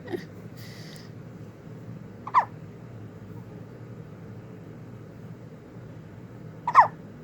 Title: OH no Hiccups!!